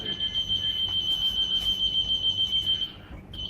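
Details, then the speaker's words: SLE2000 neonatal ventilator in a NICU training demonstration: the high-pressure alarm, which always comes with a leak alarm as a safety measure against excess lung pressure. Rapid high-pitched beeping, about three a second, that continues until muted and reset. "ودايما الهاي الارم معاه ليك عشان بيبقى في سيفتي ان هو خايف يبقى في اكسس بريشر على اللانج فهو من نفسه بيعمل ليك. اوكي فدايما هلاقي مع الهاي ليك الارم."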